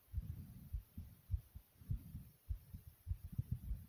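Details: Person's own heartbeat: soft, low pounding normal beats at about 100 a minute with a faint hum behind.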